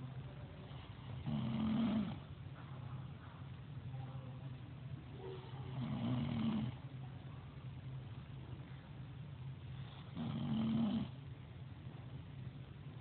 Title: Hear her snore!!!!